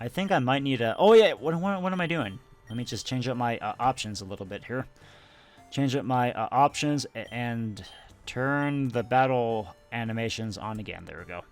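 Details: Stuttering in an adult male who says he tries to control his stutter while recording and realized he had it only a couple of years earlier; stuttering.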